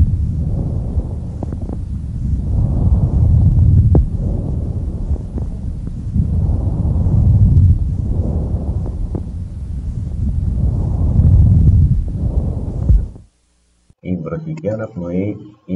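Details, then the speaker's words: Bronchial breath sounds in a patient with pneumonia, heard by stethoscope on the chest: loud, hollow, blowing inhale and exhale of similar length separated by short gaps; a brief voice follows. "ακούστε τη βροχικο αναπνοή σε περίπτωση ασθενούς με πνευμονία βροχικο αναπνοή ακούγεται σε περίπτωση πνευμονίας"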